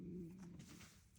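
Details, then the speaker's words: Woman's stomach growling loudly, a low humming, cooing gurgle lasting about a second and fading out, likened to a dog at her feet: stomach growling (borborygmi). "Y'all, my stomach is growling so loud. I don't know if you can hear that. If you can, I apologize because it's so loud. Kind of sounds like I have a dog at my feet."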